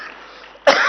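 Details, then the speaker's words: A single abrupt, harsh cough after a moment of quiet, from a speaker who had just sung on stage, is coughing a lot and says their voice has gone. "बहुत मेरी आवाज, I'm coughing a lot."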